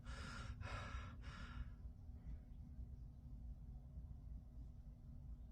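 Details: Person trying to sneeze with eyes open: three quick sharp in-breaths in a row, the build-up before a sneeze, then quiet with low room rumble; says afterward they caught it with their cheeks.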